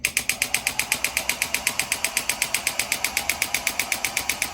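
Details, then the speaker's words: Shockwave therapy handpiece applied to the foot, with adjustable pressure and energy; loud, rapid, very regular sharp clacking pulses, about four per second. "we use the shock wave and we turn it on this is pretty loud"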